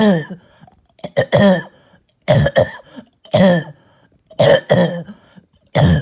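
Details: Barking, hacking cough during an exhausting night of coughing: harsh, hoarse coughs in bursts of two or three, some with a deep croaky tone.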